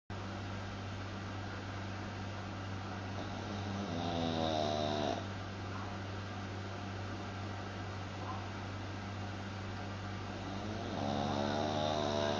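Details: Dog snoring loudly: steady low droning with two louder, rising snorts over a constant hum.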